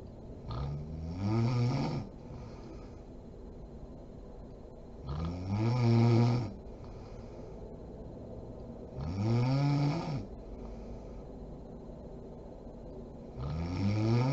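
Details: Mother snoring while asleep: loud, rattling, low-pitched snores on each in-breath, about 14 a minute, with quiet pauses between.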